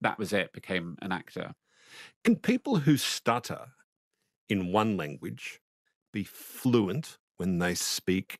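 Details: Adult male speaker; no speech disorder.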